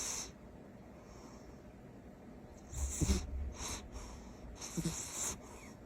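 Soft rhythmic snorting breaths of a sleeping cat; ordinary snoring.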